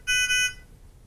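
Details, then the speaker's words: Brief high-pitched electronic beeping from a Nonin PalmSAT 2500A pulse oximeter alarm for oxygen saturation or pulse rate outside preset ranges; a 3-beep, 2-beep signal repeating every 10 seconds. "If either of these occurs, the oximeter will sound and a 3-beep, 2-beep audible signal will repeat every 10 seconds."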